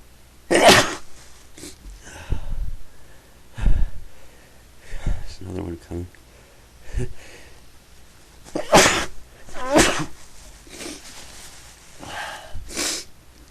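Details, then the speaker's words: Repeated sneezing: several sharp, explosive sneeze bursts spaced apart, with brief sniffs and breaths between them, from a person who had been sneezing a lot that day. "I've been sneezing a lot today so I thought I would take the need to make a recording sneeze"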